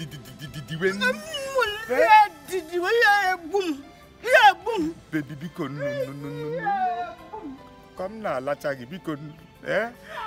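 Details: Acted stuttering by a male character in a comedy skit, with word repetitions.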